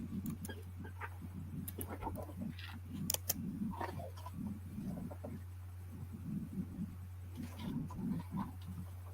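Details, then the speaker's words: Low, irregular rumbling and gurgling over a steady electrical hum, heard during a live clothing sale and noticed aloud by a presenter: ordinary stomach growling, borborygmi. "Is that your stomach growling? Oh, did you hear that? It just did just a little bit."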